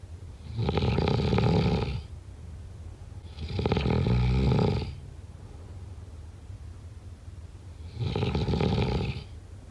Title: SNORING SOUND EFFECT